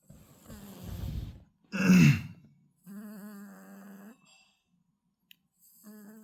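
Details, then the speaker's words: Cat lying beside its owner: rough snorting breaths, then a strong snort and a drawn-out groaning, tone-like snore; snoring. "이러는 걸까요 굳이 있을 때 만한데 내 옆에 와가지고 코고는 이유는 뭘까요"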